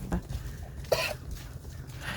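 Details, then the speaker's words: A Boer goat in a barn, one of a herd with a cough after weather changes, gives one short, harsh cough burst with a fainter sound before it; owners are considering antibiotics to prevent pneumonia. "I don't know if you can hear them coughing a little bit. So we've been watching them, other than this cough, which we may go ahead and treat them with some antibiotic just to make sure it doesn't turn into pneumonia."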